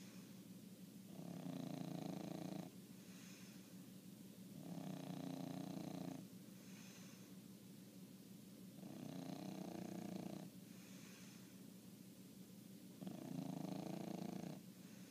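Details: Snoring from a sleeping 1-year-old dog: loud, rattling snores, about four breaths in fifteen seconds with quiet pauses between.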